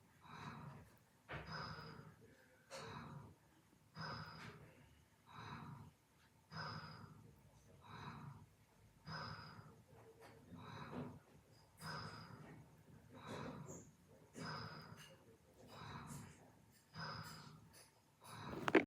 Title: A new snore for endless numbers 90.